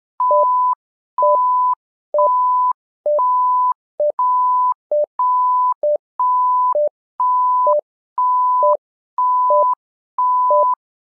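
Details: Patient monitor alarm tones.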